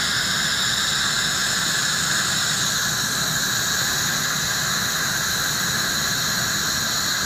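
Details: Demonstration of an Acteon piezo-ultrasonic scaler on a patient, with an HVE suction tip capturing the aerosol and water, no splatter on the mirror and the lip kept dry; loud steady hiss and high-pitched whine: ultrasonic scaler with high-volume suction.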